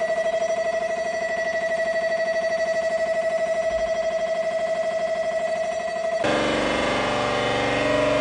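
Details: Noise from a real Siemens Aera MRI scanner: loud, fast, regular electronic beeping at about three pulses a second, then a shift to a harsher buzzing tone as sequences run.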